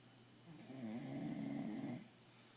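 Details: Bulldog puppy snoring asleep at night at home: one rumbling, fluttering snore lasting about a second and a half.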